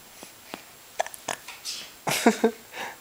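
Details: A person with a finger in the mouth has hiccups: several short, sharp gulping sounds with brief voiced catches in a quiet room, and a burp follows.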